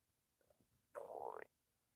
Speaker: hear that that's my tummy growling my tummy gets really really really loud guys